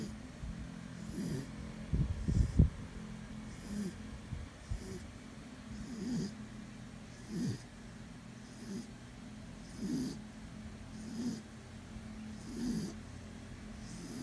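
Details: Sleeping guard dog snoring softly and steadily, with a snore roughly every second and a bit.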